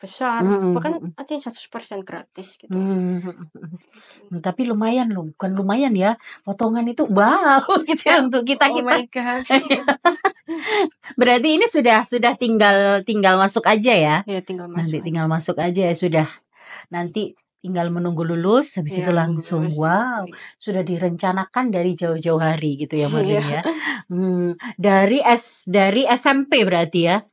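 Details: Adult woman speaking Indonesian, possibly with a second conversational voice; normal conversational speech.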